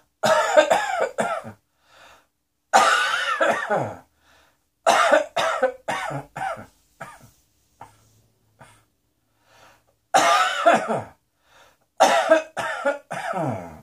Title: Cross Dressing Coughing 24